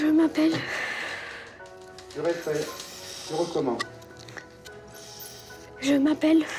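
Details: Stuttering in an 11-year-old boy who has stuttered since he was very small (about age 6); his parents have tried treatments without success so far.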